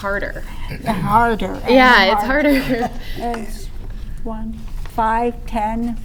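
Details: Aphasia in an adult woman after three strokes in 2011 with about six months of hospitalization.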